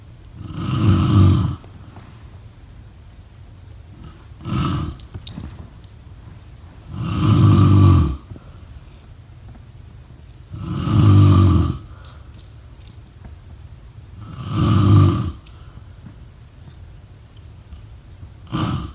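Loud, low rumbling snores repeat about 16 times a minute, with quiet breathing between them.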